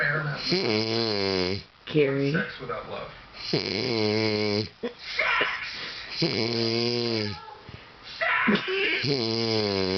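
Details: Loud, rough, rattling breathing sounds repeating about every two to three seconds during sleep at night; heavy snoring.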